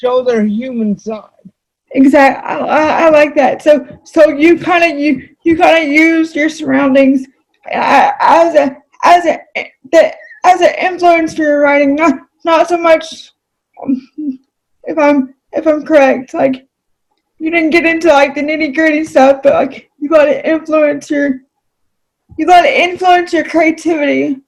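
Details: Adult female with cerebral palsy, who reports that voice-recognition software fails to understand her about half the time; dysarthria due to cerebral palsy.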